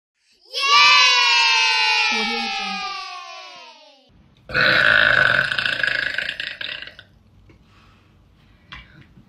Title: Girl Burps in Her Bed